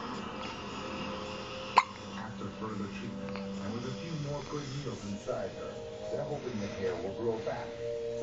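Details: One-week-old newborn with hiccups: one sharp, abrupt hiccup stands out over background talk and music.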